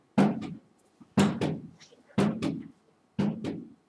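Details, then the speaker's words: Four regular lub-dub heartbeats at about 60 a minute, each a first sound (S1, valve closure) followed closely by a second sound (S2): normal heart sounds. "the sound you are hearing are the valves closing so that first sound we call it the s1 sound or the lump sound lub-dub lub-dub"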